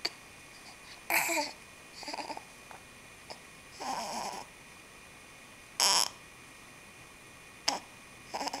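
About eight brief, sharp, breathy bursts at irregular intervals over nine seconds, typical of hiccups, against faint room hum.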